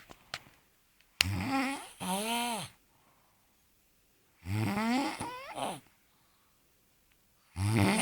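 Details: Loud, rasping snores in bursts about 3 seconds apart with quiet pauses, recorded in a small room; snoring.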